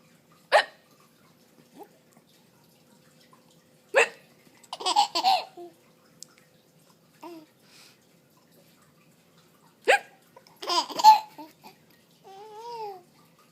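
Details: 4.5-month-old baby hiccuping and laughing at the mother's fake hiccup: three abrupt hiccup bursts, each followed by giggling laughter.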